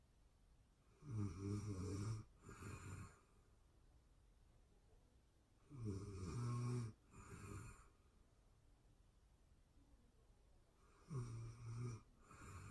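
Slow snoring from a sleeping adult, a rough inhaled snore followed by a softer exhale, roughly every five seconds in a quiet room.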